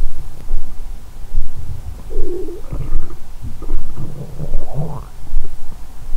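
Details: Woman's abdomen, recorded by stethoscope or pin microphone: normal bowel sounds.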